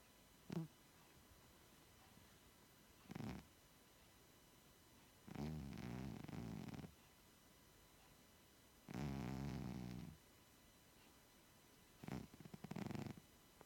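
Soft rattling snores with each breath during sleep, about five in fourteen seconds; ordinary snoring in a resting cat.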